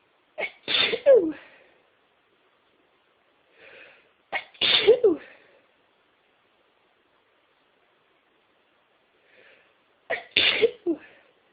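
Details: Three induced sneezes, each preceded by a short in-breath and ending in a sharp, explosive burst; repeated sneezing.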